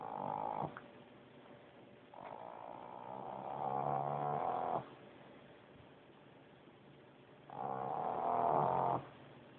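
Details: Loud, rattling, buzzy snores in long drawn breaths separated by quiet pauses from a female pug sleeping with her eyes wide open in the dark; her usual snoring.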